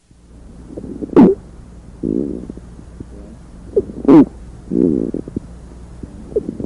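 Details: Squawk.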